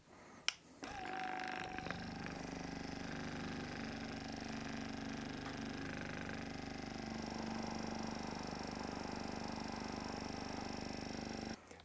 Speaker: the combination of percussion from the mechanical gun and the oscillating pressure causing a vibration through the Airways was useful for trying to clear secretions